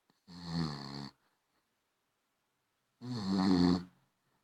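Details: Tired, sleeping basenji puppy: two long, rumbling, low-pitched breaths about two seconds apart with a quiet pause between them, snoring.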